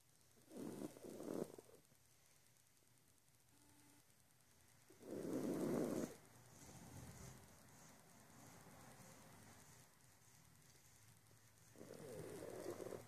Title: snoring